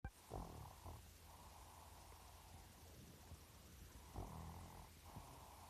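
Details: Soft snoring: low rumbling breath sounds recurring a few seconds apart against quiet room noise.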